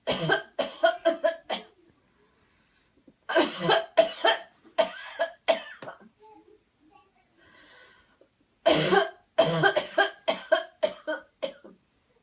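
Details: Coached airway-clearance coughing technique after counted breathing and a deep breath in: three runs of rapid, repeated, deliberate coughs separated by quiet pauses with soft breathing.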